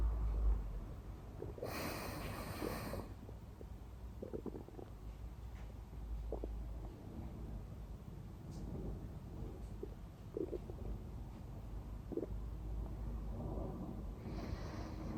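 Low rumbling and gurgling from the abdomen, recorded close up: ordinary active bowel sounds.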